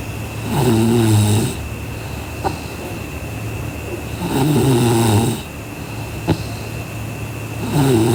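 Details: Sleeping girl snoring: rattling snores on each breath in, about 17 breaths a minute, with quiet breaths out between.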